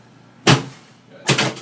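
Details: Chiropractic drop-table adjustment of the pelvis and sacrum in an adult male with lower-back (lumbar) pain, pelvic subluxation and a leg-length imbalance; two sharp thuds less than a second apart as the drop-table piece releases.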